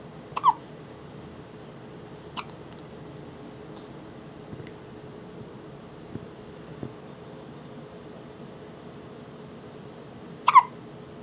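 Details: Several brief, sharp catches a few seconds apart in a quiet room, from a 2½-week-old baby girl with her first hiccups, seemingly startled by them; newborn hiccups.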